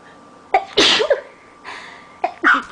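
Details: Person with allergies sneezing repeatedly all morning after leaving a window open, trying to suppress; quick gasp, forceful explosive sneeze, then another short sharp sneeze: repeated allergic sneezing.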